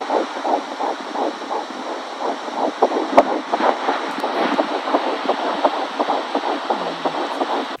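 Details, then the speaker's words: Fetal heartbeat on Doppler at about 12 weeks of pregnancy: rapid, regular whooshing pulses at about 150 beats per minute. "So, our little ones heartbeat was about 150 beats per minute, and you can hear it."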